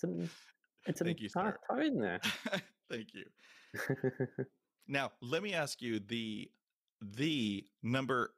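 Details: Adult male podcast host who stutters, with blocks; his P sounds can come out like a kiss when saying his name. Finding: stuttering.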